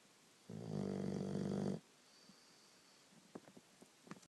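A single loud, buzzing, throaty inhaled snore lasting just over a second, followed by quiet breathing and small clicks.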